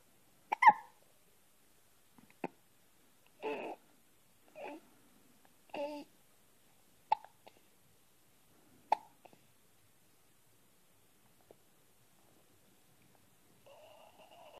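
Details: Hiccups in a quiet room: a run of brief, sharp hiccup sounds at irregular intervals, about seven over twelve seconds; ordinary hiccups.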